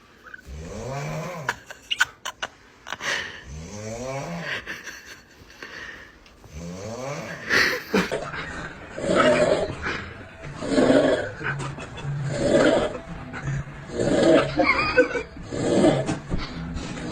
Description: Ranking the funniest, weirdest, and loudest snores ever caught on camera! 😂💤